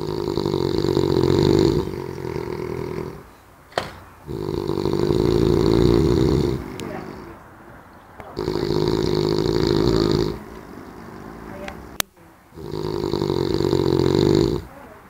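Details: Sleeping person snoring: loud, rumbling snores on each in-breath, about four over fifteen seconds, with quieter pauses for out-breaths between them.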